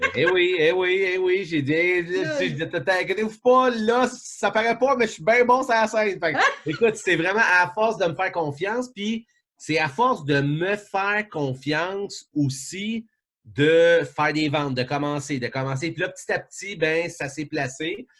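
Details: Adult male event host who says he now almost no longer stutters and that his stuttering gets worse when he is tired; stuttering.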